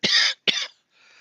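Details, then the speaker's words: Adult man coughing in the background of a woodturning workshop: two short, sharp cough bursts, followed by faint background noise. "and you can hear my mate coughing in the background"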